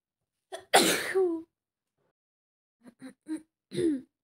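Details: Acted scenario of a girl with a bad cold sneezing behind the listener on a train: a loud, explosive sneeze after a short catch of breath, then small sniffs and a quieter sneeze.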